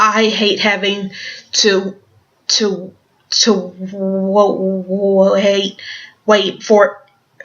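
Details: Stuttering with part-word and word repetitions in an adult woman who stutters and also has Tourette syndrome.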